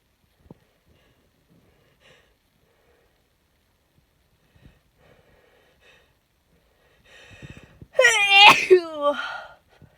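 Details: Person who is very sick with a cold or flu, unsure which, sneezing after inducing sneezes: quiet sniffs and a short in-breath, then one loud, voiced sneeze near the end.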